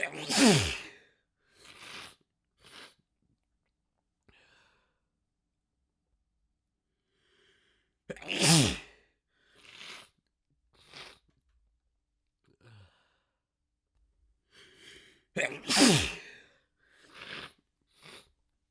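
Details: Human letting out huge sneezes at full force, mucus dripping down the face by the second sneeze: three loud, forceful sneezes, each followed by a few short breaths or sniffs.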